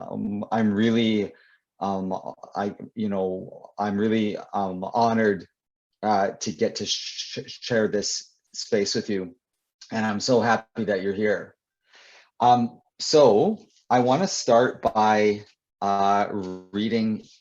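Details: Adult male poet and author who describes himself as a person who stutters, speaking with repeated words and fillers; stuttering.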